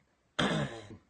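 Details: A single short, voiced cough or throat-clearing from an adult, about half a second long.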